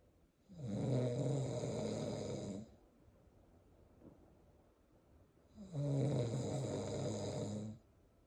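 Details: Snoring from the father beside a mother 36 weeks pregnant with twins, whose strong fetal movements respond to it: two long, loud, rumbling in-breath snores separated by a quiet pause of a few seconds.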